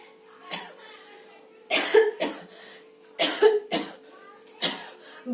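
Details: A girl acts out a coughing fit in a cough-syrup advertisement, about six harsh coughs in short bursts over a steady background tone; simulated cough.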